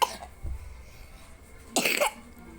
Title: maaf guys aku batuk